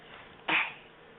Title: "Sneezes" & Shrugs